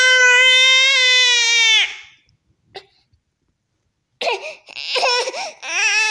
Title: Baby angry